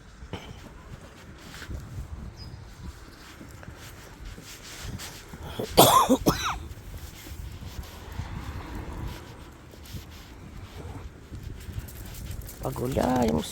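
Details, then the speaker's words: A dog (Malysh) gives a couple of short, harsh coughing bursts outdoors during a walk; owner says he is ill and is to be taken to the vet; dog cough. "Да вот слышите Сами как он кашляет Да да заболи да вот так вот ты вот так ты"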